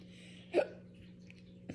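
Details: Adult in a prolonged hiccup attack: repeated hiccups (singultus) that vary in sound, one ending with a small squeak.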